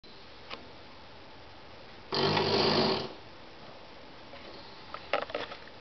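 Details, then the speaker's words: Female special-needs rescue beagle, asleep and not waking, snores really loudly: a single loud, rough snoring breath of about a second in a quiet room, then a few soft snuffles; dog snoring. "pumpkin sometimes we call her pumps or Miss pumps beagle she snores really loudly and she's droing she will not wake up this is kind of what she does she's really loud"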